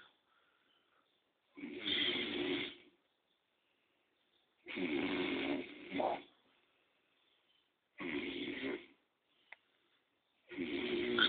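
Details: Sleeping adult, described as passed out drunk after a heavy drinking session: loud, rough snores about 20 times a minute, one ending in a snort: snoring.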